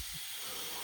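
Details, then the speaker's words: A single short, forceful rushing blow of air into a peak flow meter by an adult recovering from COVID, after about a minute and a half of steam inhalation; readings about 450–500. "so i've just steamed for about a about a minute and a half and i'm going to take that another picture of me blowing this thing"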